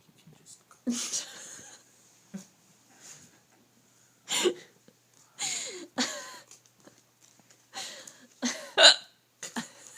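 Sudden short voiced gulps recur about every second or two, some with a squeaky catch, amid quiet pauses; repeated hiccups.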